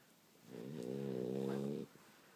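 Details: A single droning, slightly buzzing snore lasting over a second from someone sleeping in a quiet room.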